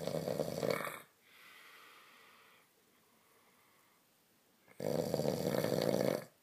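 Loud, harsh snoring on the in-breath, two long rattling snores separated by a quiet exhale, in a small room.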